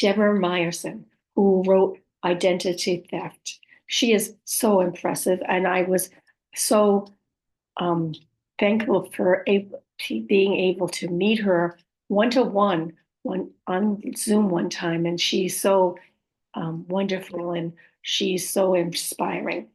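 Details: Adult woman with aphasia, apraxia of speech and dysarthria, describing her own speech as sometimes hard to understand; aphasia with apraxia of speech and dysarthria.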